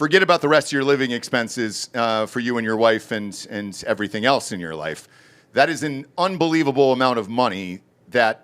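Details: Adult male speaker; ordinary speech.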